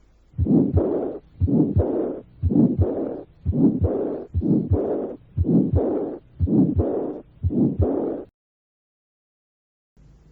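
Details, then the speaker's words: Teaching recording of mild aortic stenosis combined with severe aortic regurgitation: the second heart sound stays audible at the right second intercostal space, with a weak systolic murmur and a diastolic murmur. "por último puede existir una combinación de estenosis aórtica muy ligera con una gran insuficiencia aórtica en este caso el segundo ruido es audible en el segundo espacio intercostal derecho se ulta un soplo sistólico débil y un soplo diastólico de intensidad"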